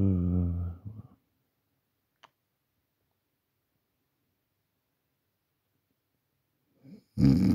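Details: Adult genuinely asleep at night, recorded on a Samsung Galaxy A40 phone: rough buzzing in-breath snore, then a long quiet pause before the next breath; snoring.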